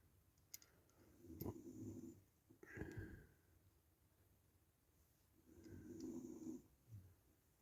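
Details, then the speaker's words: A small Staffordshire bull terrier, described as a big snorer, gives low, rattling snores in slow repeated bursts against quiet room noise. Snoring. "And apologies if those of you wear headphones and you can hear this awful snoring noise. It's not me. It's my little staffy Tilly. She's a bit of a snorer."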